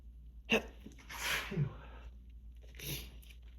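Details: Repeated sharp, hissing sneeze bursts over low room hum in a person with grass pollen allergy (allergic rhinitis), spring pollen season, off medication for several days, sneezing endlessly with a pink nose.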